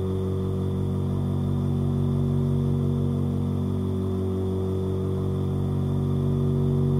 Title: №61 Nebulizer motor sound - 10 hours. Sound for sleep. Noise for sleep. Sleep sound. ASMR